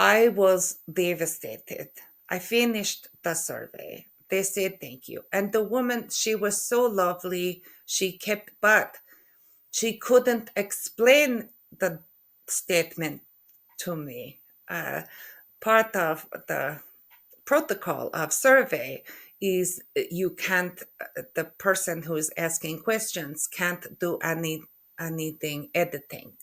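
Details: Aphasia in a woman after a stroke in November 2023, with word-retrieval difficulty (anomia), word mix-ups, halting speech, syntax errors and impaired comprehension of spoken language.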